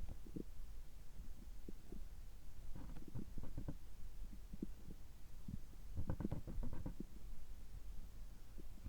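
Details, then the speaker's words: Abdominal sounds recorded just after a checkup gastroscopy, with normal results; soft gurgles and clusters of bubbling rumbles over a low hum, ordinary bowel sounds. "先ほど胃カメラを受けてきました。ちょっと声が変ですけども、胃カメラ直後の、えお腹の音、胃の様子を聞いていただければ嬉しいです。"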